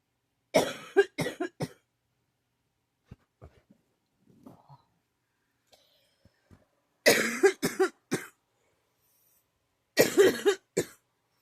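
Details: Bad coughing fit, described as dry then wet: three bursts of repeated harsh coughs separated by quiet gaps and faint breaths.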